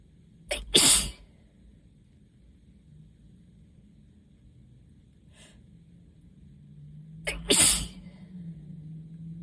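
Two loud, sharp sneezes several seconds apart, each with a quick intake first; repeated allergic sneezing.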